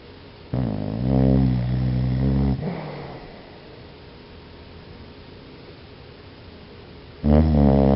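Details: Pet dog snoring: loud, low, rumbling snores on drawn-in breaths with quiet pauses between them; typical snoring during sleep.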